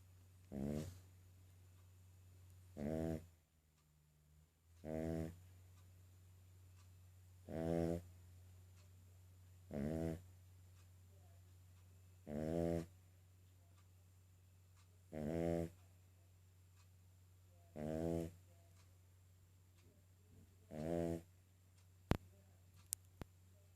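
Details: A sleeping King Charles spaniel snores loudly and steadily, about 22 rattling snores a minute; snoring.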